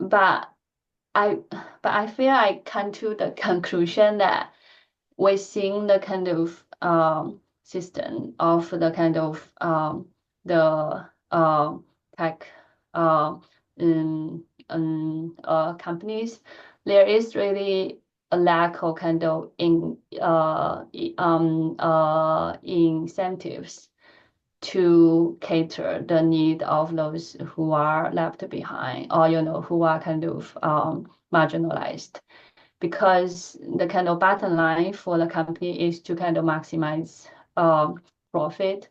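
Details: Adult woman who stutters, speaking during a lecture presentation; she says she stutters more in presentations than in private settings; finding: stuttering.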